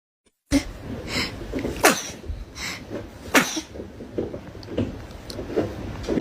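A rapid run of repeated short, sharp sneezes, about eight to ten in six seconds, with some room noise.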